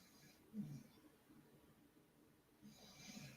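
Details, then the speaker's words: Dog snoring in the background during a live recording. "My dog is like snoring his ass off like this is the most boring show that he's ever listened to in his whole life."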